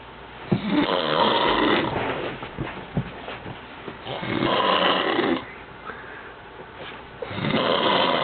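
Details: Man snoring while asleep in a small room: loud, rough, rattling snores with pauses between them; snoring.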